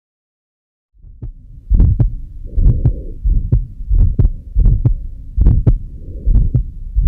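Heartbeat at about 90 a minute with a whooshing murmur through systole and a low rumbling murmur in diastole: combined mitral stenosis and regurgitation.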